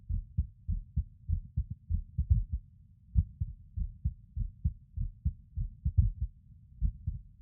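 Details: A male's own skipping heartbeat with an irregular rhythm, recorded while lying on his bed.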